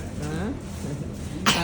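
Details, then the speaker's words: Young child with an ongoing cough, who is told not to have ice cream yet because of it: cough. "Es krim jangan dulu sayang. Masih batuk. Masih batuk dia ya."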